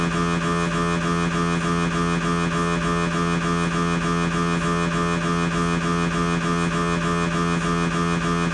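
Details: Siemens MAGNETOM Lumina 3 T MRI scanner, lumbar spine exam: loud, steady mechanical buzzing with rapid regular knocking pulses, about 200 a minute, typical of a turbo spin echo sequence; MRI scanner noise.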